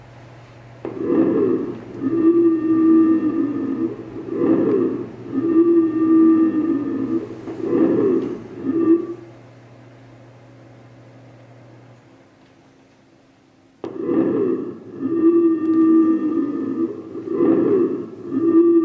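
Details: Simulated normal breath sounds from a KERi nursing skills manikin via smart scope: soft, regular breathing about 18/min, steady electronic hum and a brief gap.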